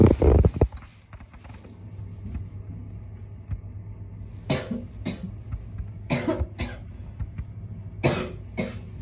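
A child's loud cough burst at the start, then several shorter harsh coughs in pairs; a chesty cough with bronchitis.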